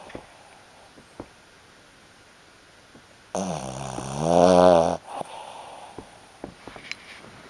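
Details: Fifteen-year-old Shih Tzu asleep who won't wake; one loud, rough, snorting breath rising in strength, then quiet with faint clicks: snoring.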